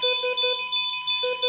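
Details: Rapid repeating high electronic beeps over a steady tone: a bedside patient monitor alarm, played in a talk on an ICU patient whose fear raises heart rate and blood pressure.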